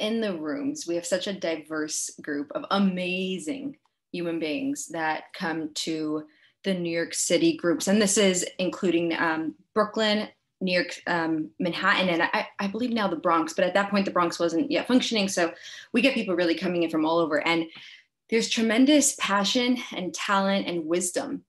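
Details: Adult woman, a speech therapist who stutters herself, with mild repetitions; stuttering.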